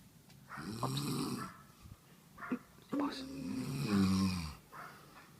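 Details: Low, rough, snorting breaths rising and falling over a few seconds; loud snoring heard and tracked down during a "snoring hunt".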